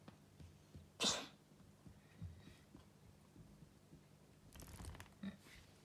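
A single sharp, hissing sneeze from a cat in a quiet room, followed by softer snuffling sounds.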